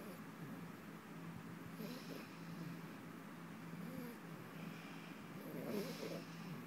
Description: My little pup is 8 weeks old and already snoring.